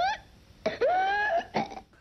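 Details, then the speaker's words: Harsh cough bursts with high-pitched, strained voiced sounds between them, illustrating the whoop in older children, a big breath in after hard coughing, during a California epidemic: whooping cough (pertussis) cough. "Older kids will have the characteristic whoop where the disease gets its name, where they cough so hard and then they take a big breath in, which is the whoop of the whooping cough."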